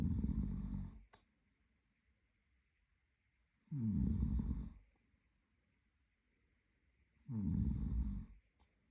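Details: Adult male partner asleep: regular low snoring on each breath, about 16 a minute, with quiet pauses between; ordinary sleep snoring.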